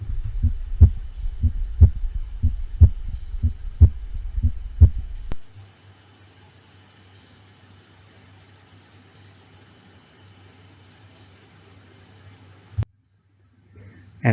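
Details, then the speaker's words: Heart sound simulator: regular beat about 60 per minute with a loud, pronounced second heart sound (accentuated S2). "now the heart sound simulator is trying to try to create a loud second harp sound for us so a loud or pronounced s2"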